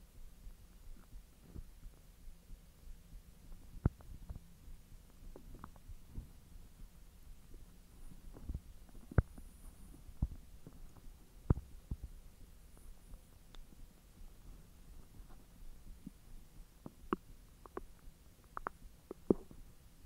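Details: Belly recording while hot dogs are digested after the stomach was empty for 10 hours: faint, irregular low gurgles and clicks; ordinary digestive bowel sounds.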